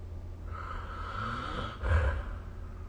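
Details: Snoring during sleep recorded with the SnoreLab phone app: a single rough, rattling inward snore over about a second ending in a brief louder snort against low room hum.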